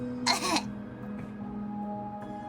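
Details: A single brief, rough throat clear over steady background music, then quiet, during a live gaming stream where hiccups were also occurring; an ordinary throat clearing.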